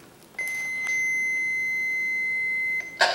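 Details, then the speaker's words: A steady high electronic tone lasting over two seconds as an automated external defibrillator is switched on manually with a green button; the normal AED start-up signal before voice prompts. "once the AED is turned on it will talk you through how to use it this particular one we do have to turn on has a green button and you can see it's following the steps"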